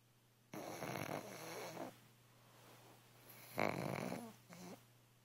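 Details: Loud rattling snores with fluttery inhalations from a sleeping pug, possibly dreaming, with Parker keeping it warm; ordinary snoring.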